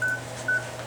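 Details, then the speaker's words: Two short, clear electronic beeps about 0.4 seconds apart over low room hum: quick heart-rate beeps from a veterinary anesthesia monitor with ECG and oxygen readings on an anesthetized animal. "And the wires tell us that the heart's beating. You can hear the little beep, beep, beep. And this is its anesthesia monitor with the beep, beep, beeps."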